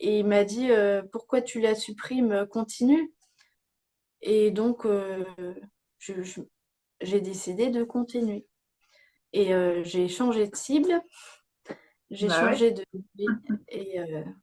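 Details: Young woman with aphasia after a stroke at age 22, with slowed word retrieval and grammar that had to be relearned; aphasia.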